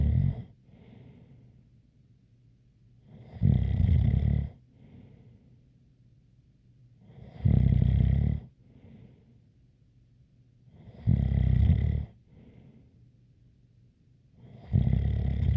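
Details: Loud, low, rattling snores roughly every 3.7 seconds, about 16 per minute, with a faint whistle on the breath out between them: snoring with a light whistle.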